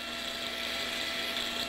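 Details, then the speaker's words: High-speed otologic drill whine with faint room hum while opening the vestibule during transmastoid labyrinthectomy, in a patient with residual vestibular function on this ear despite prior transtympanic gentamicin; surgeon avoids undercutting the facial nerve and the vestibule wall. "And also not to drill on that vestibule wall. Now I'm just going to keep coming down here."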